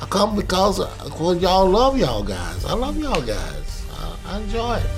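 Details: Aphasia in a participant at an aphasia recovery center, with hesitations and word-finding difficulty.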